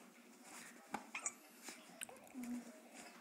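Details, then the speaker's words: Hiccups in a girl, who sounds like a squeaky toy: a few short, sharp gulping catches with faint vocal sounds in a quiet room. "Oh, honey. Got the hiccups."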